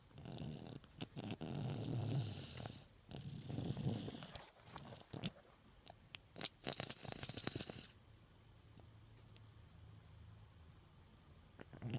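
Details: Snoring lasting less than a week, attributed to nasal congestion: low, rough rattling breaths in bursts over the first eight seconds, then quiet breathing.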